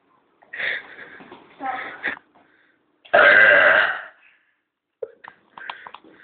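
Several burps, one long and loud, with short throaty sounds between them. Ordinary belching.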